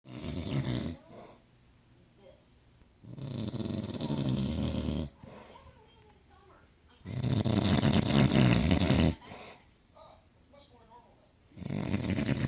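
Heavy, deep, rattling snores on each breath, roughly 14 breaths a minute, with quiet gaps and faint room sounds between. Loud snoring.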